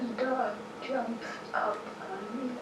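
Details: Person with Parkinson's disease whose strained voice is severe enough to cause intelligibility deficits as well as voice deficits; strained voice with reduced intelligibility (Parkinson's disease).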